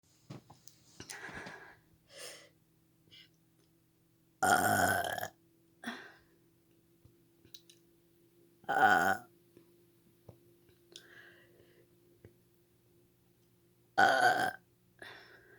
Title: Girl burping on command // Big burps!